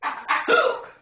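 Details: Someone attempting to cure hiccups by drinking water backwards gives a brief, abrupt voiced gulp with a sharp onset and throat catch, then a breathy vocal trail: hiccup.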